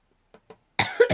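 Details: Adult still very ill, coughing during a vlog: two faint short sounds, then a loud harsh cough burst with a second burst right after.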